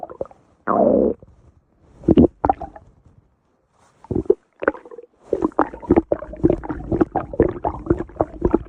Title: Insane stomach growl 6